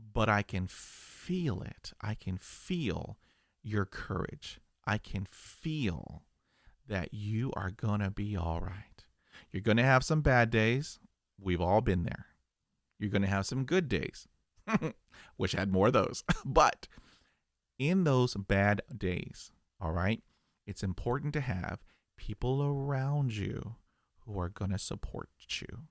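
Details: Adult who stutters, real stuttering.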